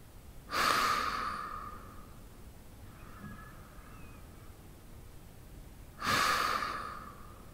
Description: The sound of a man breathing during sleep.